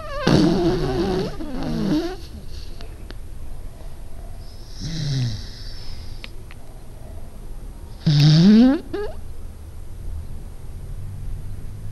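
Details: Low, rattling snoring breaths with a few louder snorts between quieter stretches from a sleeping pet dog; snoring.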